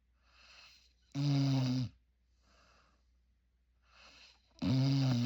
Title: Snoring pup !#noisy #puppy #cute #labrottie #Moose #dog #sweetboy